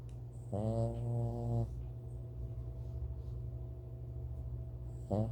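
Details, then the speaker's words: A single long, low, buzzing snore, then quiet breathing against a steady room hum and the start of another snore, continuing even after being poked; snoring. "I poked him and he's still snoring."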